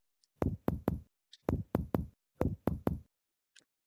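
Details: Shifting dullness test, flank re-percussed after tilting the patient and waiting 30 seconds: three groups of three crisp taps with a resonant tympanic note, tympanic flank percussion indicating a negative shifting dullness test.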